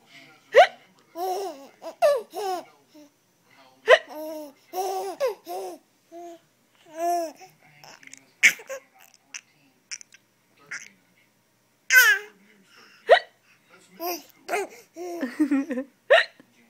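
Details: 3-month-old baby laughing and babbling while an adult hiccups: short, sharp hiccup sounds at intervals among the infant's bursts of laughter; hiccups.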